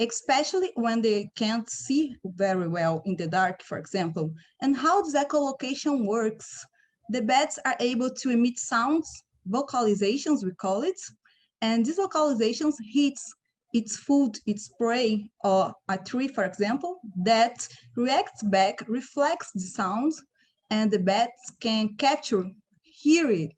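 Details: Adult woman speaking; ordinary speech.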